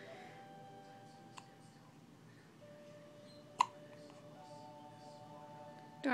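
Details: A person has ordinary hiccups: three sharp, brief hiccups a couple of seconds apart in a quiet room with faint background tones.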